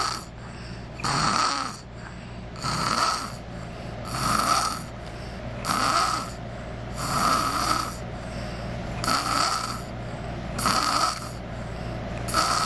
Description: 5 yr old boy snoring